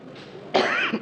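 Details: Adult judge coughing while reading Sambo verdict in court: single short, throat-clearing cough after soft background noise.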